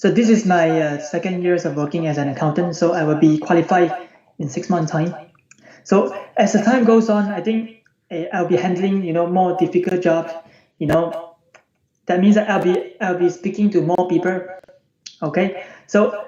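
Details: Adult man from the UK with puberphonia, voice unchanged since he turned 14; recorded before online voice therapy.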